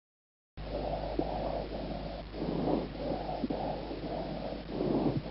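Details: Abnormal breath sounds in an animal: rapid, rhythmic, harsh breathing noises.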